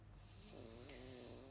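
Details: A child snoring in an RV; snoring.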